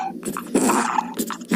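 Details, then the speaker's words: Child with upper airway narrowing, presented in a discussion of laryngeal conditions such as supraglottic involvement: harsh, high-pitched crowing noise on breathing in; inspiratory stridor. "yes so could you hear it could you hear it yes could you hear the strider of the child"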